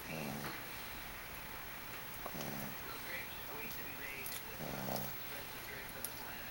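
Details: An old, adoptable dog sleeping, with soft, rough snorting snores repeating roughly every two seconds over faint room noise; snoring.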